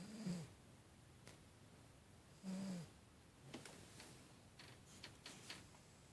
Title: Snoring cat